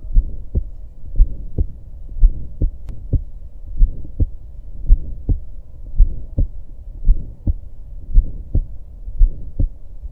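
Regular heartbeat, about 55–60 a minute, with a harsh rising-then-falling murmur between first and second sounds: midsystolic murmur of aortic stenosis.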